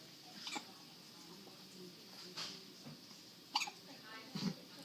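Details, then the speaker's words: A newborn girl's first hiccups: four brief, abrupt catching sounds about a second apart in a quiet room. "oh my God I mean it's the cutest little hicups too they are"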